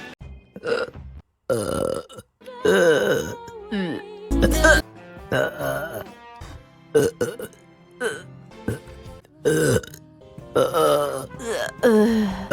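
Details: Compilation of a woman's burps from her live streams: loud, drawn-out voiced belches with sliding pitch over music; repeated burping.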